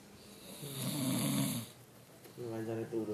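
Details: Child snoring while asleep: two loud, rough, buzzing snores on the in-breath with a quiet pause between them; ordinary snoring.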